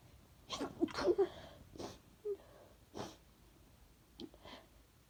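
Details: Female sneezing after sniffing pepper, a quick series of explosive sneezes with sniffs and breathy noises between; sneezing.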